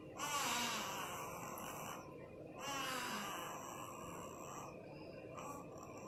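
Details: Soft, rattly snoring with each breath from a sleeping newborn, faint steady room noise between breaths; infant snoring.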